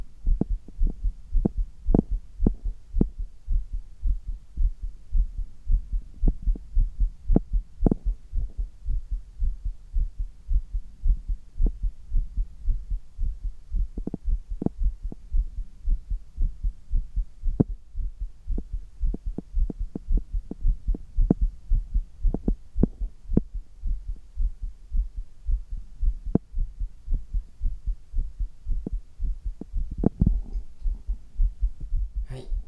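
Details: Exercise-related tachycardia in an adult man doing handstand push-ups (inverted, strenuous exertion): fast, forceful, regular heartbeat thumps with a low hum, a normal heart response to effort.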